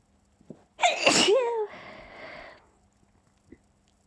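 One stifled sneeze, a sharp burst followed by a soft hissing exhale in a quiet room.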